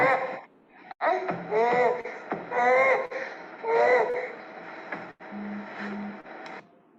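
Repeated high-pitched, musical, fairly steady noisy breaths from a newborn, with faint room noise: glottic stridor from bilateral vocal cord paralysis.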